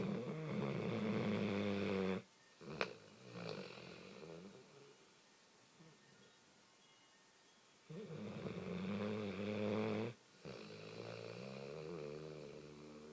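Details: Snoring: two long, rough, buzzing snores about eight seconds apart, separated by quiet breathing.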